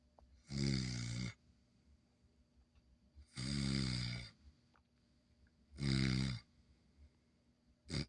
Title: SCHNOODLE🐕PUPPY SNORING💕 & like & subscribe 😁❤️